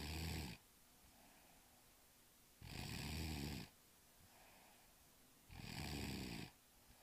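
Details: Snoring, ordinary: three loud, rough snores about 3 seconds apart (roughly 20 a minute) with quieter breathing between.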